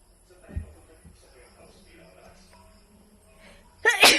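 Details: Sneezing: quiet room sounds, then one sharp, hissing sneeze burst at the end.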